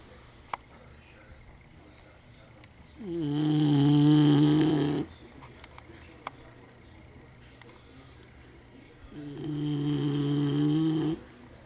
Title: tootie snoring 5/9/11